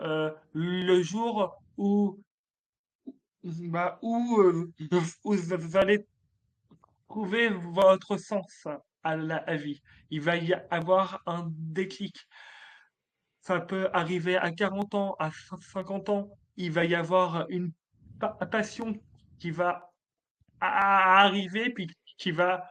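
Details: Adult man, a French-speaking comedian, who has stuttered since childhood; stuttering.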